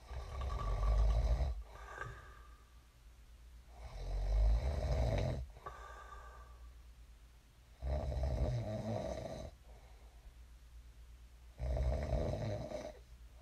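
Loud rumbling snores on each breath in, about 17 a minute, with quiet breathing between.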